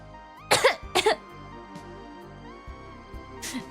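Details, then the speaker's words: Adult streamer who says they are sick, still coughing and has a cough drop in: a short run of coughs, two close together and one more shortly after, over soft music. "I'm back, but I'm still I'm still coughing."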